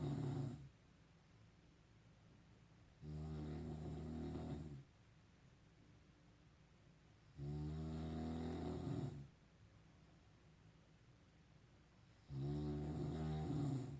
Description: This is my archived reuploaded private compilation video of my Dad snoring like a funny elephant at night while sleeping in 2019.